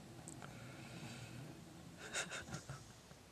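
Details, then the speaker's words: Stella, a sleeping dog, snoring: faint snuffling, snorting breaths in a quiet room with low background rumble. "dear a lady said the other week that um before I'd said it was Stella snoring"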